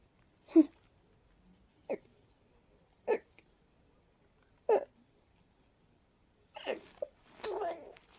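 Short, quick sneeze-like bursts in a run, followed by a few breathy sounds; a rapid sneezing fit.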